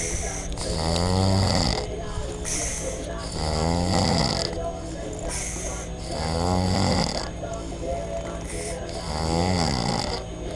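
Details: Man sleeping and snoring loudly and rhythmically, about one rattling snore every 2.5 seconds with a low rough vibration on each breath, with some background sound.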